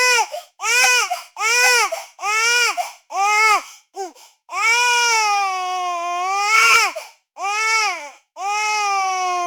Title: Newborn Baby Scream Sound Effect